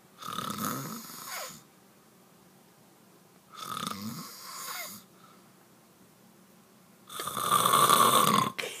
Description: Husband swears he doesn't snore. Lol